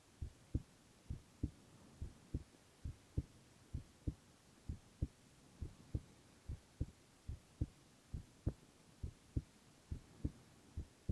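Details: Male ASMR recording of his own heart: clear, regular lub-dub beats at about 65–70 per minute over a soft steady hiss; normal heart sounds.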